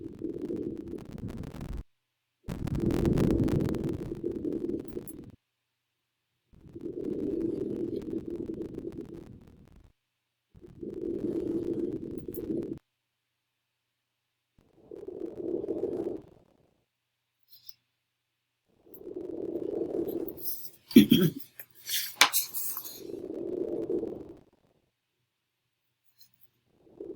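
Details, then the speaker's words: Female patient in a simulated virtual comprehensive assessment: soft, even breath sounds at about 15 a minute over the posterior chest, with brief handling clicks; symmetrical chest expansion; clear normal breath sounds in all fields. "miss jones has symmetrical expansion on inspiration and exploration breast sounds are cleared auscultation in all fields posteriorly entirely your chest is symmetrical"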